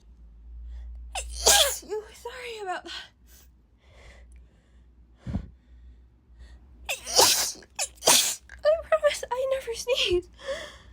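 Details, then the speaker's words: Female, sneezing repeatedly in a sudden fit she says came out of nowhere, as she normally never sneezes: about three sneezes in quick bursts, with brief breathy sounds and words between them. "sorry sorry about that those came out of nowhere really they came out of nowhere oh [ __ ] oh this is just really weird because I I never sneeze I'm normally never like this"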